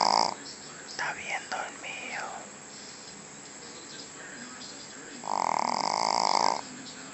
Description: Jack The Snoring Shih Tzu